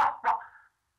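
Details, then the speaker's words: Adult man, a teacher with severe Tourette syndrome, speaking at a press conference gives a sudden, loud, bark-like yelp that fades quickly: involuntary vocal tic of Tourette syndrome. "i felt like they just wanted to know why i was making all these noises and then once once i told them once i told them what i was doing they were fine with it"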